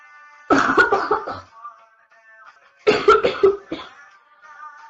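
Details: Young woman with a severe chest cold in its early stages, coughing during a livestream: two bouts of several harsh, rapid coughs over soft background music.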